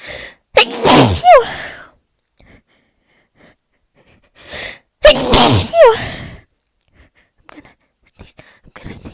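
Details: Two loud, explosive sneezes a few seconds apart, each with a sharp indrawn breath and a high 'achoo', announced aloud ("I'm gonna sneeze") beforehand amid persistent repeated sneezing; sneezing.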